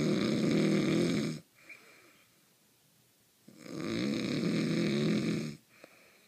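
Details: Cartoon-like snoring: two long, loud, rough inhaled snores separated by a quiet pause, sounding like a cartoon snoring effect; snoring.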